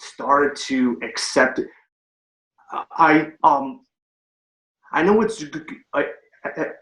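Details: Adult man with a stutter, recorded before starting a stuttering treatment program; stuttering.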